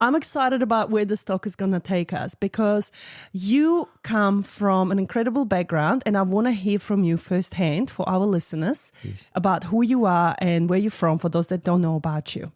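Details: Adult speaker; typical speech.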